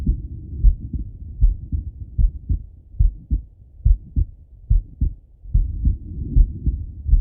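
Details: Heart sounds of a male lying on his left side, via stethoscope: paired lub-dub thumps at about 74 beats a minute.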